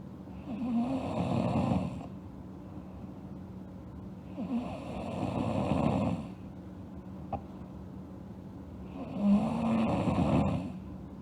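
Three slow, rough inspiratory snores about four to five seconds apart, roughly 13 breaths a minute, with quiet exhalations between.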